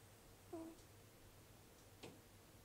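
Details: Sleeping cat snoring with faint, brief whistling tones: a nasal whistle during snoring.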